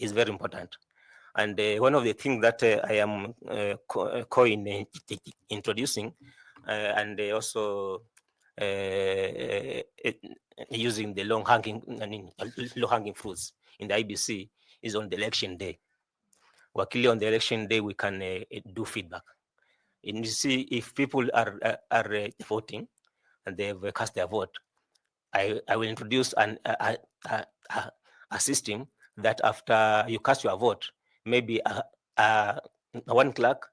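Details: 41-year-old man who says he stammers a lot, with repeated words; stuttering.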